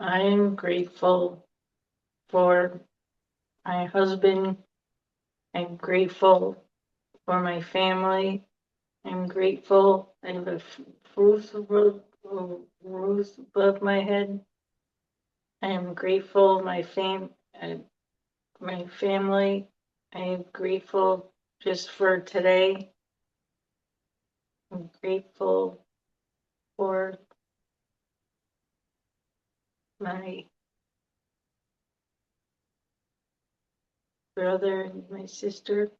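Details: Aphasia in an adult female stroke survivor (stroke September 2018) who could not speak a word for two years afterward and still has difficulty getting words out and processing speech.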